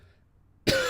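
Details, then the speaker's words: An adult who says they are a little sick gives one sudden, forceful cough after a quiet pause, cut off at the end. "I am a little bit sick guys you can probably hear it so excuse the coughing"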